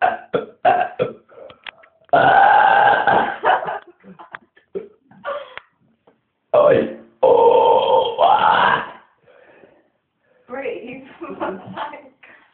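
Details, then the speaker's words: Man deliberately burping after eating kebab and drinking cola: several long, loud belches with short breaks between them; voluntary burping. "oh God I'm W yourself in a minute oh he's still going"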